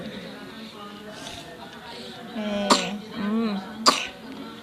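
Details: Young child with flu gives two short, sharp coughs over background voices and music; a cough during a flu illness.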